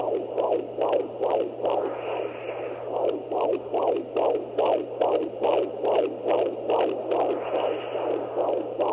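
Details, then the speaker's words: Fetal heartbeat checked at home during pregnancy bed rest, the day after a bleeding episode: fast, regular whooshing pulses in the low 140s to upper 130s a minute, said to sound good and to match the previous day. "five so baby's heartbeat sounded really good uh it's then the low 140s upper 130s which is what it was yesterday"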